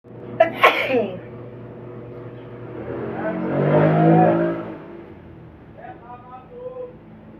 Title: induced sneezing again.